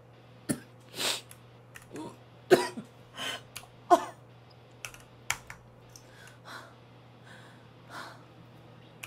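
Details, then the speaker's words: Girl in a quiet room with keyboard clicks, coughing hard at work to the point of tasting blood: series of short, harsh coughs and throat-clearing bursts, several close together. "약간 그거 뭐 그거 알아 이렇게 기침하다가 이거 여기 이렇게 내가 여기 보면은 막 피 피 있을 거 같아 그 약간 온몸을 다해서 기침을 하는 느낌이야"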